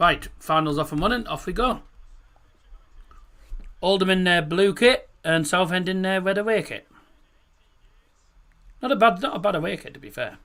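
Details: Male host with a self-described speech impediment in which R is pronounced like W; rhotacism (r-to-w substitution).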